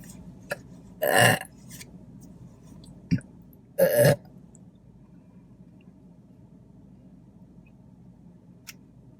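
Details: Person during a mukbang eating show after chicken fingers, fries, toast and Diet Coke: two loud, drawn-out belches a few seconds apart in a quiet room; ordinary burping (eructation).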